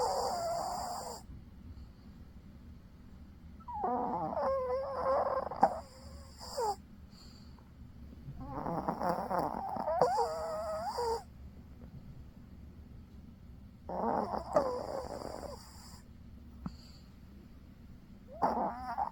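Soft rhythmic snorting snores with whistly, whimper-like tones on each breath from a sleeping dog; ordinary canine snoring.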